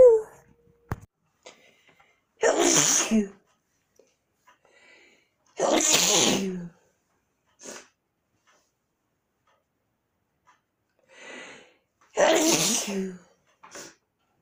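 Three forceful sneezes a few seconds apart, with faint breaths and small sounds between, form a sneezing fit.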